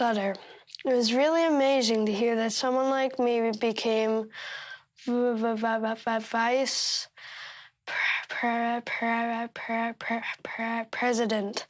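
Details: Stuttering in a 13-year-old boy who stutters.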